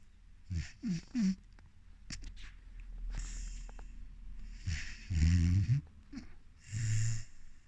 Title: 4 months old Rhodesian Ridgeback Floki snoring